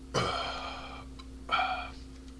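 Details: Man drinking beer and burping a lot: two loud, drawn-out, gurgly burps about a second apart over a steady low hum; belching.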